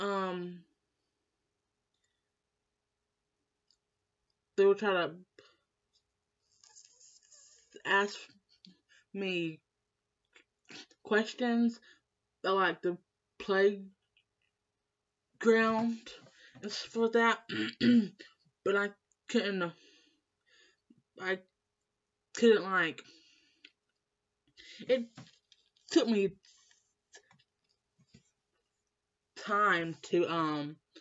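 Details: Woman who has stuttered all her life since starting school, always in speech class; blocks when stressed; uncle and mother also stutter; stuttering.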